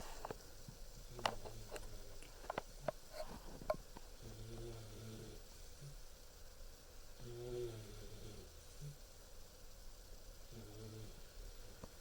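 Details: Sleeping 14-week-old German Shepherd puppy: soft, low, rumbling snores in a quiet room with a few small whimpers and movement noises.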